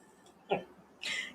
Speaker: you hear lulu's story oh yeah he's definitely snoring and she's nice and toasty warm